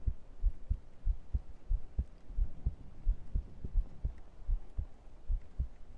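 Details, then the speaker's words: Normal heart sounds: steady, regular lub-dub thumps at about 88 beats per minute over faint room hiss. "do a bit more heartbeat and then do some brushing."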